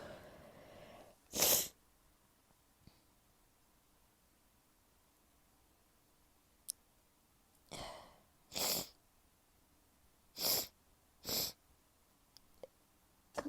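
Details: Several powerful, forceful sneezes in a quiet room, some preceded by a short intake of breath and announced with "I'm gonna sneeze"; the person has been sneezing a lot lately and wonders about a new allergy. Repeated sneezing.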